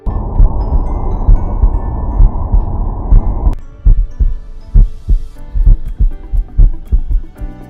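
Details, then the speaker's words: Normal heart sounds recorded with a Stemoscope Pro wireless stethoscope, first without and then with noise cancellation: regular low thumps near 66 a minute, buried in dense room noise, then clearer once it drops away. "Let's listen to some samples we recorded without and with the noise cancellation. The first is a heart sound sample."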